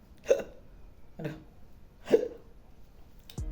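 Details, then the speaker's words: Three short, abrupt voiced gulps about a second apart in a quiet room are hiccups, described as unpleasant and sometimes leaving one a bit short of breath. "Ya, mungkin teman-teman banyak yang ngalamin cegukan. Jadi, cegukan itu ee tidak mengenakkan ya karena lumayan sesek kadang-kadang."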